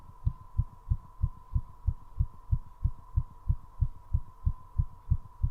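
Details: Heartbeat during recovery, which included two short breath-holds, after a 3.5-minute squat challenge: rapid, very regular beat at roughly 190 beats a minute over a steady hum; fast heartbeat after exercise.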